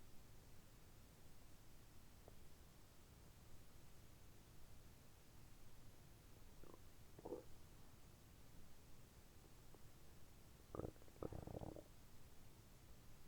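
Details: Bowel sounds (borborygmi) recorded during abdominal moxibustion, with moxa applied between the navel and solar plexus and on both sides of the navel: soft low gurgles and a few short rumbling bursts over a quiet hiss.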